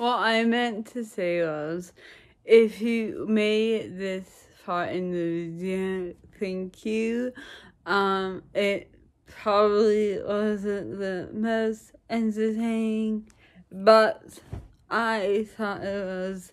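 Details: Woman with dysarthria, recorded in the morning around 9:00 before any speech practice; speech varies with practice, energy level and mood. Finding: dysarthria.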